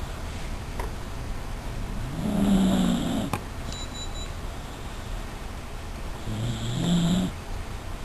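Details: Sleeping dachshund snoring: two slow, rough snoring breaths against steady room noise.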